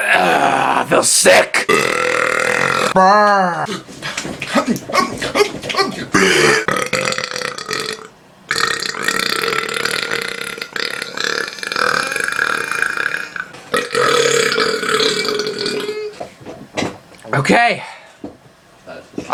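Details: Person burping repeatedly: many loud, drawn-out croaking belches one after another, with some talk and laughter between them.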